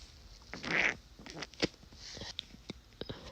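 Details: Sneezes during a cold, some stifled and some induced with spray: a short, hissing, sprayed burst followed by a few small stifled catches and clicks; sneezing.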